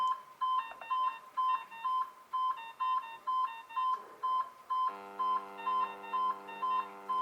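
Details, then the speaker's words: Blood pressure measurement tone from a simulated iSimulate monitor, steady repeating beeps about two a second while it takes a reading; the cuff does not actually inflate, and the result is a preset 100/64. "you can hear that it's making the same noise that it would do if it was recording a blood pressure um but obviously the cusp cuff doesn't actually inflate"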